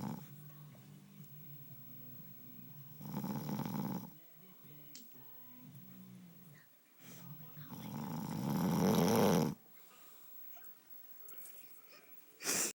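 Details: Loud, rough snores breathing in, two long ones with quieter breathing between, during sleep; husband snoring.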